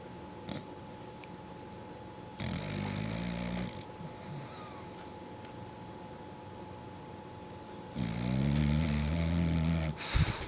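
Two long, rough, rumbling breaths about five seconds apart in a quiet room; snoring during sleep.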